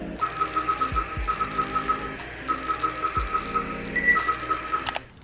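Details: Clear + Brilliant fractional laser facial on the cheek, for hyperpigmentation: a steady run of quick, high clicking pulses with a faint tone and low hum as the handpiece passes over the skin; fractional laser handpiece in use.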